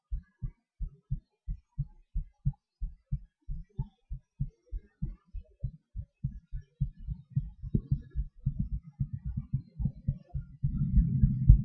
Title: My Heartbeat, hyperventilation and breathhold with speed changes and weird sounds